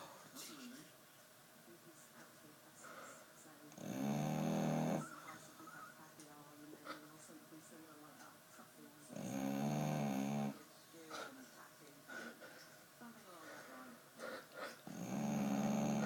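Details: Female Staffordshire bull terrier snoring heavily while asleep: loud, rough snores about 11 per minute with quiet breathing between them.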